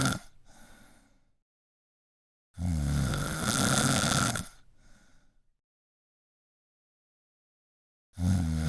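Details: Deep, loud rumbling snores on breathing in, with softer breaths out and long quiet gaps between; heavy sleep snoring.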